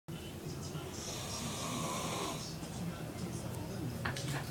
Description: He broke the record for most loudest snoring, and my eardrums. LOL